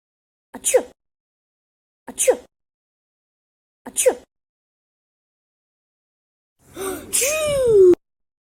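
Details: Three short, sharp catching in-breaths, then one loud, drawn-out sneeze with a falling voiced tail; a sneeze with its wind-up.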